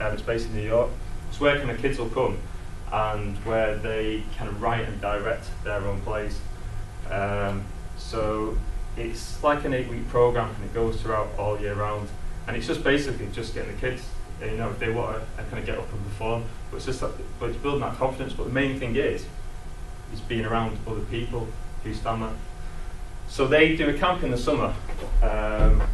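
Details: Stammering in an adult man who describes himself as a person who stammers.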